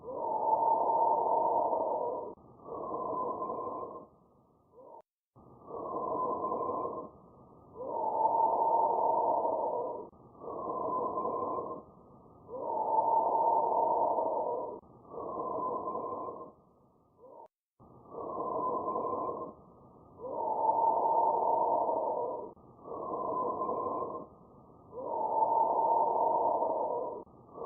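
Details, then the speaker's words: Normal bronchial breath sounds over the trachea and larynx: loud, hollow, tubular breathing at about 13 breaths a minute, more prominent on expiration. "The second normal breath sound we want to listen to is the bronchial sound, and this is heard over the trachea and the larynx and is more prominent upon expiration. Let's listen to the bronchial sound."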